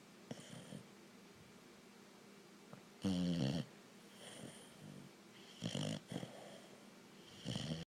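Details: Sleeper keeping someone awake at night: short, rattly snorts and snores in irregular bursts over a quiet room background; snoring.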